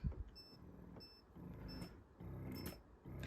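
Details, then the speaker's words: Spectra Synergy Gold electric breast pump on the right side, massage mode, lowest cycle setting: soft low motor hum rising and falling in repeating cycles with faint clicks, very quiet. "goes as high as five and again even on five it's still pretty quiet this is the massage mode and this is on the lowest cycle"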